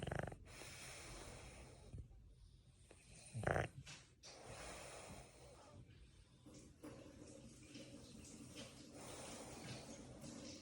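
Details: A sleeping French bulldog, ball still in his mouth after hard play, has noisy, rumbling breathing with snorting snores from a narrowed upper airway, with background room noise; snoring.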